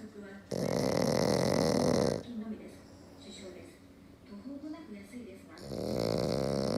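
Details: Black pug napping, snoring very loudly: rough, rattling snores on breaths in, with quieter breathing between; heavy snoring in a flat-faced dog.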